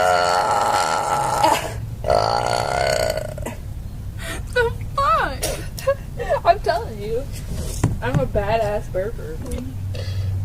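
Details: Girl burping deliberately after drinking green milk: long, loud, croaking belches with some voicing, then laughter and talk.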